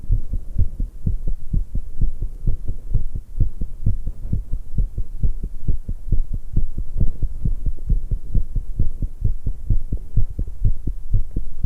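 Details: Fast, pounding, steady heartbeat at about 130 per minute in a 19-year-old female after exercise, with sounds of her drinking tea and stomach noises.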